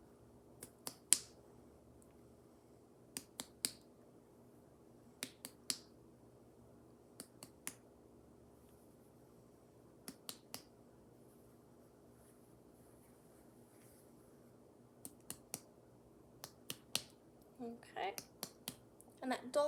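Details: Short paired finger-tap percussion strikes over the liver of a female patient during a head-to-toe nursing assessment in a quiet room, with rustling at the end; a muted, dull percussion note, a normal finding.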